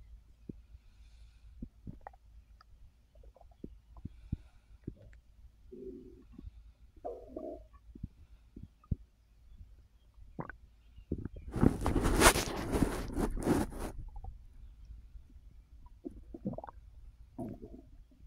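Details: Resting after overeating following an edible gummy, full bloated stomach: soft gurgles and low rumbles over quiet background, one louder rush midway; active bowel sounds (borborygmi) of digestion.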